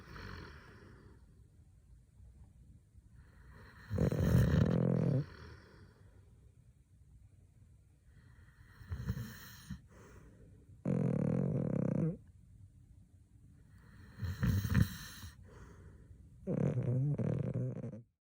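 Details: A husband and a dog snoring in sync at night: loud, rough inhaled snores recurring about every six seconds, with softer breathing between; ordinary snoring.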